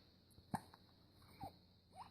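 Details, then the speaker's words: 18-day-old baby boy, gaining weight well (8 lb 11 oz to 10 lb 5 oz in 2.5 weeks), with hiccups: two soft, abrupt hiccups about a second apart over faint room noise. "got a little case of the hiccups he was smiling and talking earlier I was hoping I could catch it yay"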